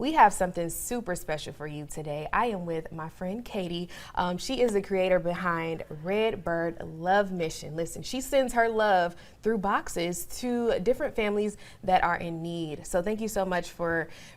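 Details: Adult woman; normal speech.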